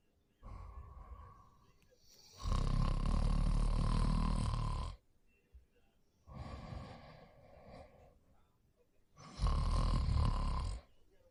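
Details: Late-night sleep: loud rasping snores on each breath in, with softer rough sounds between, about 10 breaths a minute; snoring.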